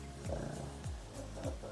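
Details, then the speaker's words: Pet dog that snores and grunts often and loudly: low, rumbling grunts repeating in quick succession while it sleeps; snoring. "I apologize, my dog is snoring. I don't know how long he's been snoring for. It's just like white noise to me at this point."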